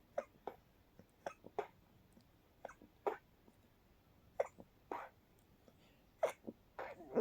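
A run of soft, stifled bursts in a quiet room, a suppressed sneezing fit.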